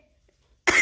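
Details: Single sudden harsh human cough in the background of a cat video, cut off at the end; otherwise near silence.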